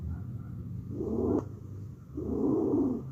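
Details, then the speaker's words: Teaching demonstration of abnormal breath sounds: two harsh, noisy breaths with a coarse, low-pitched rasp, stridor produced by narrowing of the upper airway. "se produce por estrechamiento de vía aérea superior"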